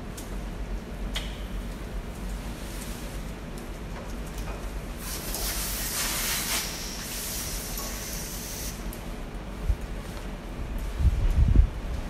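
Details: Steady background hiss swelling into a louder gas rush mid-clip, then handling clicks and knocks: oxygen flowing as the supply is connected while setting up a high-flow nasal cannula for oxygen therapy in COVID-19 patients.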